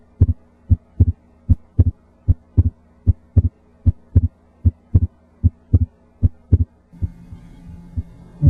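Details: Normal S1 and S2 heard with the stethoscope diaphragm at the left second intercostal space (pulmonic area) in a patient with increased chest AP diameter; regular paired sounds at about 76 a minute.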